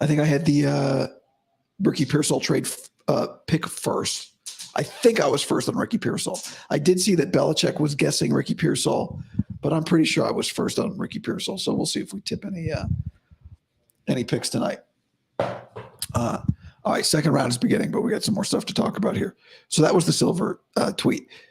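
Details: Adult man, about five to five and a half weeks after vocal cord surgery; he reports daily improvement, though today likely unchanged from yesterday after heavy voice use and no sleep. Dysphonia after vocal cord surgery.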